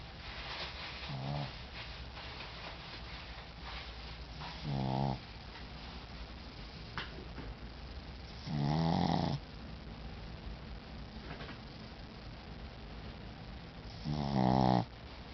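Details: Sleeping pet, tired out, snoring: low, rattling snores on the in-breath, four in about fifteen seconds, over steady room hum.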